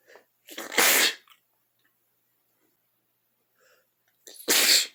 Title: cold sneezing (#2)